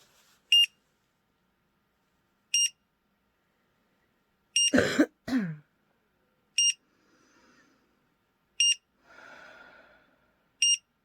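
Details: Short, high beeps about every two seconds with brief throat clearing: pulse oximeter alarm for saturation below 95% during a home POTS standing test in a person with EDS, hands shaking.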